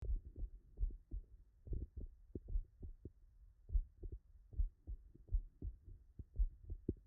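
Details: Double metallic (mechanical) aortic and mitral valve replacement heard on stethoscope auscultation: sharp, crisp prosthetic valve clicks with the heart sounds, a PACES exam example.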